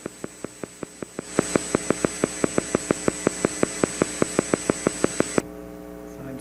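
Regular sharp clicks at about 6 per second over steady hum: a single motor unit firing at roughly 6 Hz, a slow firing rate.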